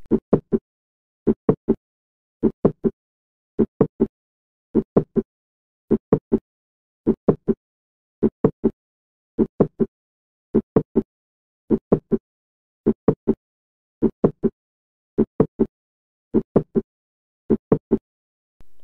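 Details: Slow, regular heartbeat with a crisp mid-systolic click about 150 milliseconds after the first heart sound, before the second, due to mitral valve prolapse.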